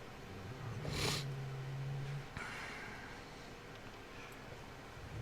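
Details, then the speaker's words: Pet dog sleeping in the background during a model-car video: a single low, droning snore with a brief snorting burst, faint over quiet room noise; ordinary canine snoring. "B that's my dog snoring in the background if you hear that I apologize"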